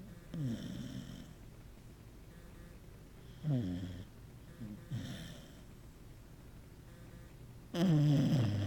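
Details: Sleeping Corgi dog snoring loudly: irregular snorting snores over several breaths, ending with a louder final snore.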